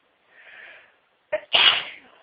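A soft inward breath, then a sharp catch and one explosive hissing sneeze.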